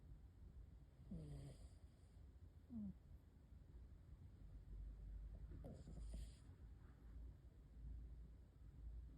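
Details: Soft, low rumbling snores from a sleeping cat, with a few faint squeaky breath sounds over quiet room noise; ordinary snoring.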